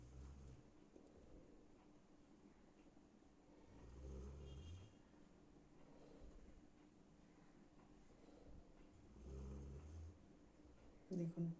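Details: Golden retriever asleep under a sheet, snoring loudly, likened by the owner to a lion's roar: deep, rumbling low-pitched snores about every five seconds, with a brief sharp sound at the end; snoring.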